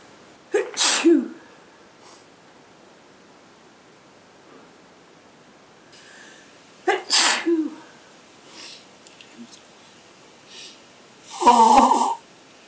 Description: me and my Girlfriend sneezing again, and blowing the Nose